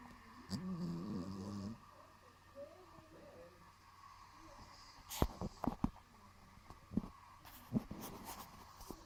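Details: Sleeping Maine Coon cat gives one long, loud, rumbling snore, then quieter snorts and nasal clicks; heavy snoring.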